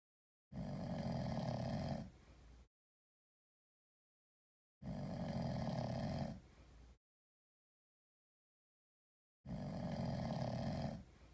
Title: Sleeping cat snoring like a human. 1